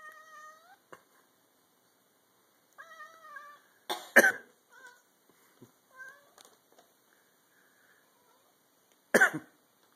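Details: A cat gives about three harsh, explosive coughs between soft meows and small vocal sounds.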